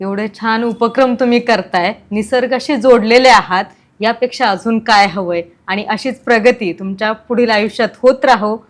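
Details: Adult woman speaking Marathi; normal speech.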